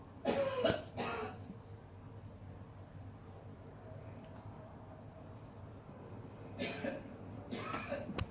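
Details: Mother coughing: two pairs of short, harsh cough bursts separated by a quiet pause, with faint room noise; a plain adult cough.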